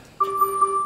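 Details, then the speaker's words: Mechanical ventilator on pressure ventilation after closed-system suctioning of an endotracheal tube, suction catheter not fully withdrawn, volumes decreasing: steady two-tone low tidal volume alarm. "the patient stabilized after they were suction but then the volumes tended to decrease especially the pressure ventilation so I'll kind of let you see what's happening with the ventilator when you take a look and see that you got that low tidal volume alarm"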